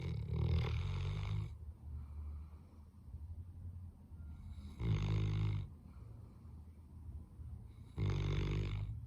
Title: Mars Snoring / Labrador Dog Snoring